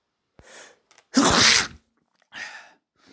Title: a sneeze